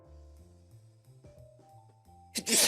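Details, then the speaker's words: Single sudden loud sneeze from a male streamer, who said just before that he badly needed to sneeze, over soft background music; sneezing. "all right all right guys make sure to put that in the sneeze compilation i'm going to sneeze oh god"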